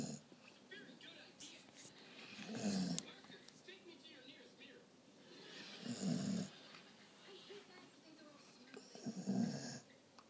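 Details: Sleeping dog snoring: three low, rumbling snores on breathing in, about every three and a half seconds, with faint background talk.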